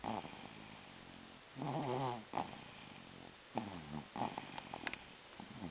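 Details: Snoring during sleep: rough, vibrating breaths with irregular snorts in between.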